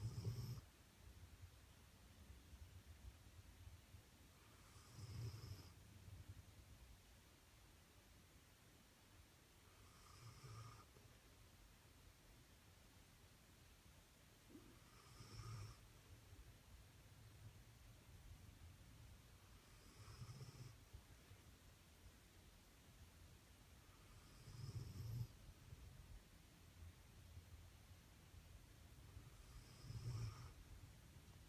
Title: Roxy the English Pointer snoring